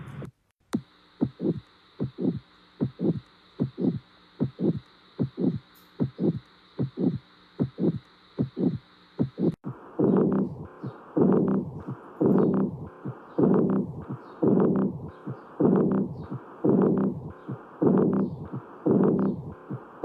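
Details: Heart auscultation with a stethoscope: regular heartbeats, then louder beats with a sustained whooshing sound filling the gaps, a regurgitant heart murmur.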